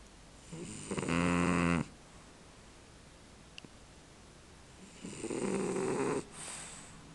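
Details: Male French bulldog snoring while asleep: two loud, buzzing, rattly snores on long breaths with a quiet pause between.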